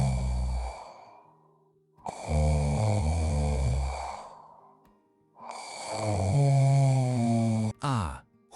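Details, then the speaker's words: Repeated vibrating snoring sounds during sleep, as relaxed airways vibrate and air flows against soft tissue; presented as a sound quiz answer. "Das Geräusch entsteht, wenn die Atemwege im Schlaf vibrieren und Luft gegen entspanntes Gewebe strömt."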